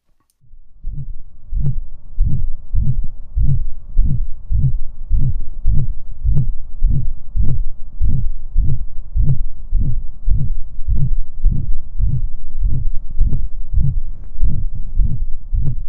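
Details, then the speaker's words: Dog with subaortic stenosis: regular systolic ejection murmur, about 100 a minute, crescendo-decrescendo, louder in the first half then softer in the second half of each beat. "another characteristic of the ejection murmur is that it has a crescendo decrescendo quality for its intensity it gets louder during the first half of the murmur and gets softer during the second half"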